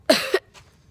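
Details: One short, harsh cough, followed by a faint breath, from a person who says they are sick.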